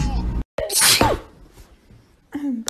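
A single sharp, explosive sneeze with a brief breath before it, then quiet and a short voice sound; an ordinary sneeze.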